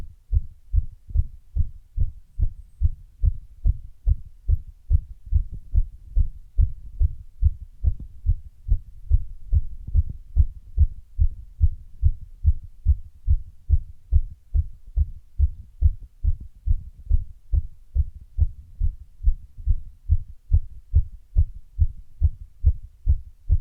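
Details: Heart sounds recorded after running: rapid heartbeat about 140 a minute with a few irregular pauses, arrhythmia appearing partway through; post-exercise tachycardia with intermittent arrhythmia.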